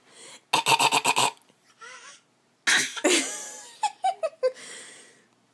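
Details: Child deliberately fake coughing in playful imitation: rapid, voiced cough-like bursts, not a cough from illness.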